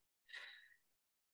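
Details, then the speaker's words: The speaker's daughter's dog asleep in a quiet room while the speaker paints: a single soft, breathy, whistling breath, faintly heard; a dog snoring. "do you hear the snoring that's my daughter's doggy you can tell her Emma Jane you heard your dog in class today"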